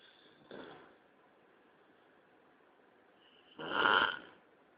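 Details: Two rough, rattling inhaled snores, the second louder and longer, separated by about three seconds of quiet room hiss; snoring.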